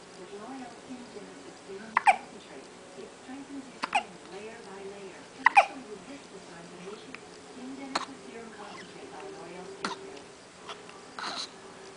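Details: Infant with repeated hiccups: sharp, brief hiccup clicks about every two seconds between soft babbling and cooing.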